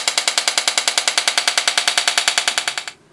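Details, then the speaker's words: Primo radial shockwave therapy unit treating a patient with Achilles tendonitis, after coupling medium is applied and the foot switch activated. Fast, regular sharp mechanical taps come at about ten per second for three seconds, then stop. "once we've read and understood the user manual we're going to do a treatment with our new primo radial shockwave unit we apply the coupling medium to the affected part and when ready we can activate the foot switch"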